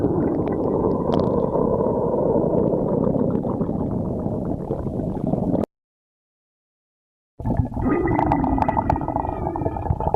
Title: stomach growling